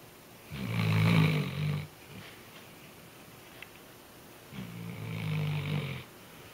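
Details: Sleeping Weimaraner dog gives two loud, low rumbling snores about four seconds apart with quiet exhalations between, sounding just like a human; ordinary, harmless sleep snoring.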